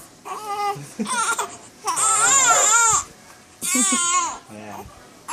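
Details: Two infants crying together, loud rising and falling wails in long bursts with short breaths between, in a small room.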